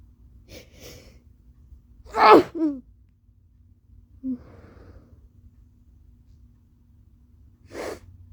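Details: Adult with allergies sneezing three times: faint breathy catches build to a loud explosive voiced sneeze, a small vocal sound, then a later sharp burst of breath.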